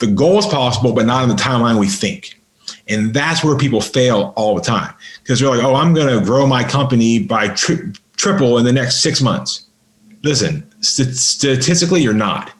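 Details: Adult man with a lifelong stutter, severe by his own account, improved through practice and an intensive stuttering school; real stuttering in a podcast interview.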